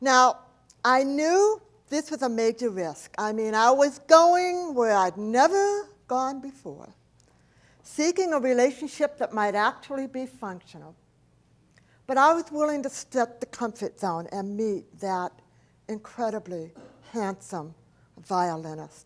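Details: Adult woman, profoundly hearing impaired since age 4, when a 106-degree fever destroyed about two-thirds of her hearing; she does not hear S, CH or T sounds; speech impediment, not an accent: deaf speech (speech of profound hearing loss)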